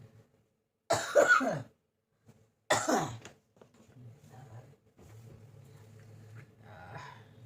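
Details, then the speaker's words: Ongoing cough for many days, on medication: two harsh, forceful coughs followed by quiet room noise; ordinary cough. "देखो फ्रेंड्स कितना काशी हो रही है मेरा गॉड।"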